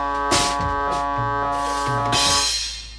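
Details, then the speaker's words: MRI scanner noise during a liver scan (liver multiscan) with breath-holds of 3–15 seconds, explanatory demonstration; loud rhythmic knocking and buzzing tones over a steady hum as images are taken. "now i'm going to start taking pictures it might be a little loud and a little annoying it may sound like someone who is trying to make music but still has a lot to learn"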